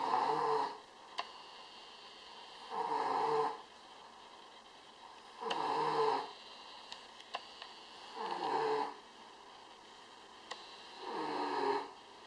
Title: 便便 打呼~ Poo Snoring !!